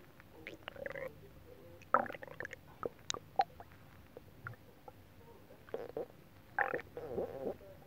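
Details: ASMR recording of a person's belly after eating a whole pot of nabe (Japanese stew): irregular gurgles, pops and bubbling rumbles, with faint TV in the background; ordinary post-meal stomach growling (borborygmi).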